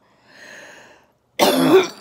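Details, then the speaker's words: Adult woman recovering from COVID-19 at home, clearing her second major mucus plug of the day and still feeling some left: a soft breathy exhalation, then one loud, harsh, wet productive cough. "I know it was kind of dramatic to come in on a getting rid of a mucus plug but oh it's not gone yet I feel a tick away down there"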